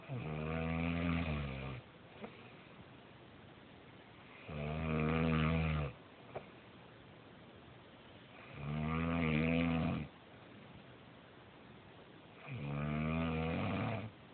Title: Wife snores